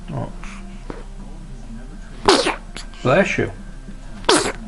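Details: Person with a bout of hiccups, making faces; three sharp, explosive bursts, each with a quick intake before it, consistent with sneezes, in a quiet room.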